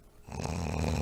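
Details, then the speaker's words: Snoring of the kind heard in obstructive sleep apnea, where breathing stops periodically; distinctive snoring sound. "and so there's a pretty distinctive sound to the sort of snoring that goes on where people are actually stopping breathing periodically so let's listen to that so this is snoring"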